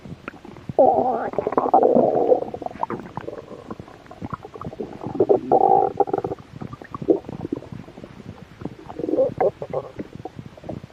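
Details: Stomach growling (borborygmi) from a slightly hungry stomach, recorded for ASMR: gurgling, rumbling bursts of gut noise coming and going over several seconds; a normal finding.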